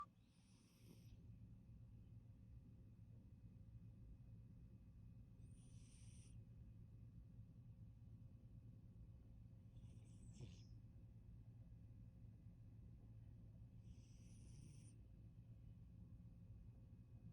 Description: Persian kitty sleeping sound a sleep snoring his butt off